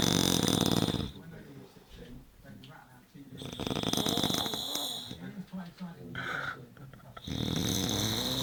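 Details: Loud snoring in a sleeping man: harsh, rattling snores on the in-breath with quiet gaps between; heavy snoring.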